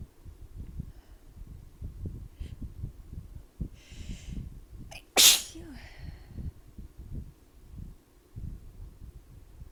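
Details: Adult sneezing after a hot-to-cold shower, cold air and a fan while still damp; allergies and sudden cold, rainy winter weather also cited: one loud, explosive sneeze after a sharp inhale, soft background rumble; sneeze.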